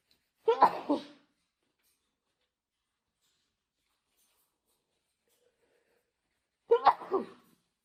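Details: Two sharp, sudden sneezes about six seconds apart, separated by silence, induced by a COVID-19 nasal swab test.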